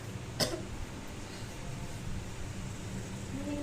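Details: One short, forceful cough in a quiet room from an adult woman, acted in a nursing practicum role-play of effective coughing after chest physiotherapy and postural drainage with back vibration while lying on her side, to bring up sputum.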